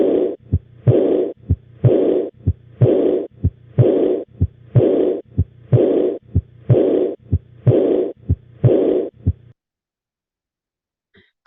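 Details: Early diastolic murmur of aortic regurgitation: regular heartbeat at about 62 a minute with a blowing murmur starting right after the second heart sound, from blood regurgitating from the aorta into the ventricle in diastole.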